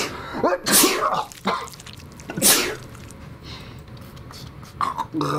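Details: Acted sneeze from a comedy "types of sneezes" sketch, the "allergic to ugly" sneeze: two sharp, loud sneezes with a short inhaled lead-in, then quiet room noise and brief talk.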